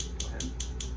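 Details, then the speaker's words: Focused shockwave therapy on a marathon runner's injured hamstring area during active range of motion and loading: rapid, evenly spaced mechanical taps, about five a second, over a steady low hum. "to have her go through kind of an active range of motion active loading into the tissue as we're delivering some of the shock wve into uh the area where she had the original injury"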